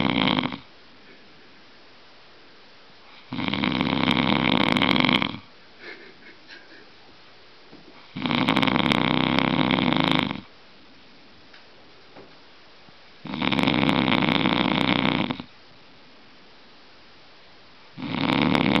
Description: people are usually nice when they sleep, but this man is different! He's nice only when awake, while sleeping is a nightmare for other people :DDDDDDDD